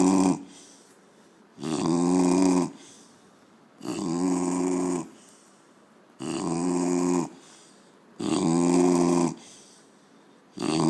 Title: Chubby :: The snoring devil!